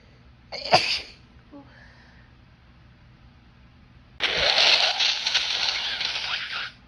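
A sharp sneeze, then after a pause a long, forceful nose blow, as with a head cold.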